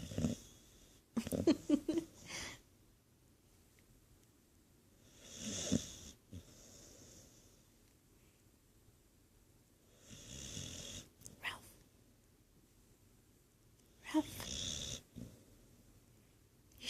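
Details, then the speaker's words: Someone sleeping and snoring very loudly: rattling snores recurring every four to five seconds with quiet pauses between breaths; typical sleep snoring. "Ralph, you're snoring. Ralphie, Ralphie, you're snoring. So loud."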